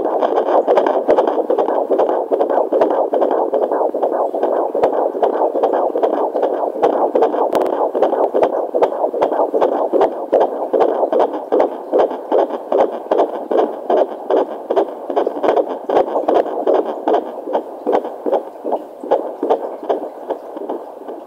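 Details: Fetal heartbeat at 17 weeks 2 days of pregnancy, recorded with a Jumper JPD-1008 home fetal Doppler on first attempt: rapid, regular whooshing galloping pulses, about 150 beats a minute.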